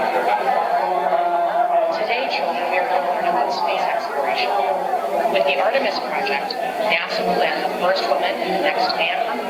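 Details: Hearing aid listening simulation in classroom noise, for a student with bilateral sloping hearing loss, more hearing in low frequencies, severe at high frequencies.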